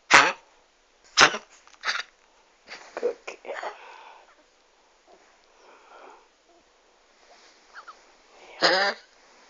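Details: Dog with kennel cough, tail wagging, early morning: several harsh hacking cough bursts with snorting, wheezy breaths between.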